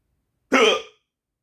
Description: i would sleep but i have the hiccups help 😅